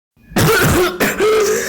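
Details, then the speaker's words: Cough from a person who says they still have a cough: two harsh, noisy bursts close together, like a rough cough or forceful throat clearing. "Oh, and this is about me getting a cough which is also uh happened in real life just now. Uh I still have a cough."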